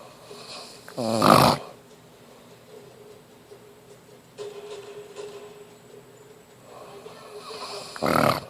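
Two loud, rattling snores several seconds apart, with quieter breathing between them; ordinary snoring.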